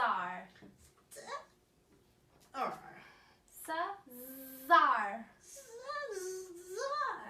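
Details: Child with childhood apraxia of speech in rapid syllable transition treatment, practising pseudo words with clinician cueing stress on the first syllable.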